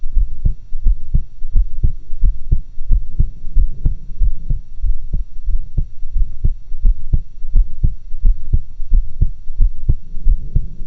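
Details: Own heart recorded with two stethoscopes for a roughly stereo recording; clear, steady lub-dub at about 88 beats a minute with a faint background hum; heart sounds.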